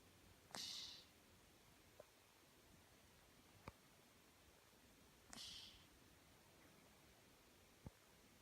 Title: My Cat Snoring after M&M's